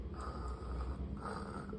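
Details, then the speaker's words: Newborn baby's low, rattly nasal snuffling, called milk snoring; the doctor says this noisy nasal breathing is normal up to 10 months. "Sound ಹಾಲು ಗೊರಕೆ ಅದು 10 months ತನಕ normal"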